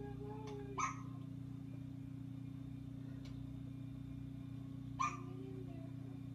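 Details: Newborn boy, one day old, held in a hospital while he has his first hiccups: two brief, sharp hiccup sounds about four seconds apart over a steady low room hum.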